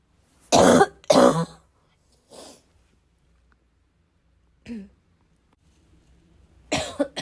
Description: A little wheezy, a little chesty… barking as always.